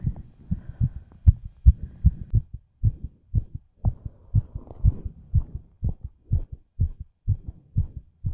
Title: FAST HEARTBEAT COMPILATION